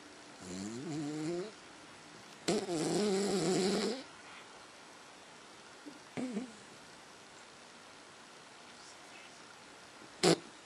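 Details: Sleeping pet named in caption snoring: a few irregular snores, one with a wavering, whistling pitch and one longer and rougher, between quiet pauses.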